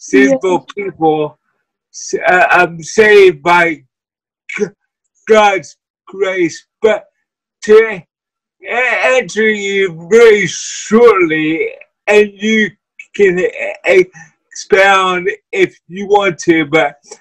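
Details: Dysarthria from cerebral palsy in a guest who uses a wheelchair.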